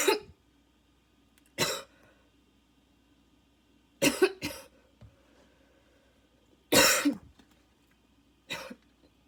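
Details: Barking cough with wheeze during a coughing fit that needed an inhaler: six harsh, barking coughs in separate bursts, with a faint whistling tone between them.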